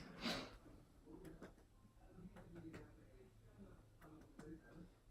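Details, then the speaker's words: Abdominal percussion of a female patient during a physical assessment: short, hollow drum-like taps, the normal tympanic note expected over hollow, air-filled bowel. "a hollow organ so I would expect to hear some timpani her"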